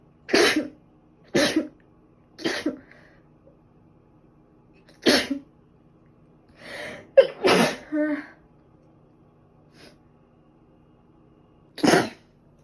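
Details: About seven sharp, explosive sneezes in quick succession, some with brief intake breaths; from a two-day sneezing record thought probably due to dust allergy, alongside a recent cold with ongoing cough and runny nose.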